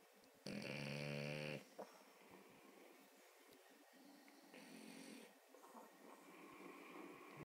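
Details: Sleeping French Bulldog snoring: one loud, buzzing snore, then softer snuffling breaths in a quiet room.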